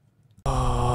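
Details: Dysphonic voice on a sustained vowel 'ah', with high RAP and APQ on MDVP and a low cepstral peak prominence of 1.39 dB with high CPP SD.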